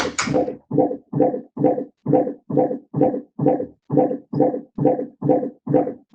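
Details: Fetal heart rate heard on intermittent auscultation in labour, counted in 15-second blocks: baseline 158 bpm; the slower rate heard at the start was a deceleration that recovered over the first 20 seconds.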